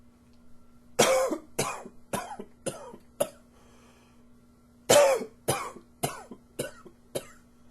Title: Coughing 28